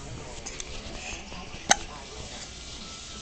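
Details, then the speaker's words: Sleeping pet with hiccups: one short, sharp click-like hiccup over steady background noise; hiccups. "Oh, honey. Look at the hiccups. They bother you, don't they?"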